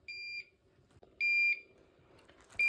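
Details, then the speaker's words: Curlin infusion pump with a lactated Ringer's and dextrose bag, alarming while the tubing is not yet connected: two high-pitched electronic beeps, then a third starting, with faint handling noise; infusion pump beep. "push the rest that through the pump is getting angry at me here cuz I'm not hooked up to it"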